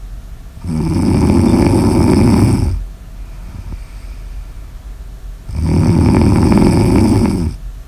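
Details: Snoring ASMR audio recording: two long, loud, droning snores with a quiet breath between them over a steady background hiss; ordinary snoring.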